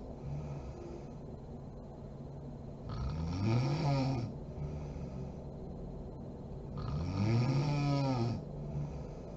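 Two loud, rattling inhaled snores about four seconds apart over quiet breathing, roughly 15 breaths a minute; ordinary snoring.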